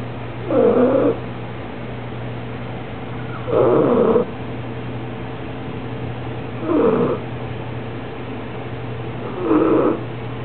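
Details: Soft, slightly whistling snores about every 3 seconds, near 20 a minute, over a low steady hum from Bella, a 6-month-old bulldog, snoring gently while asleep.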